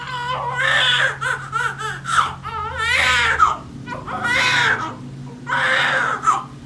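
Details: Newborn crying just after a hard, painful vaginal delivery with coached pushing: repeated strong, high-pitched wailing cries with breaths between, in a small room; a vigorous newborn cry.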